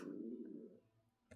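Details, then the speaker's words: Stomach rumbling (borborygmi) audible during speech: a low, gurgling rumble lasting under a second. "if you can hear my stomach rumbling I was like I need to get this reading out"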